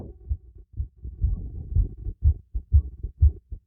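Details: Heartbeat heard through a stethoscope during light workout with breath play: fast, regular low thumps near 120 a minute; normal heartbeat, quickened by light exercise.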